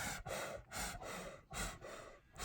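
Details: Adult male lion resting in shade beside a safari truck gives a quick run of harsh, breathy cough-like huffs, about four bursts in two seconds: coughing.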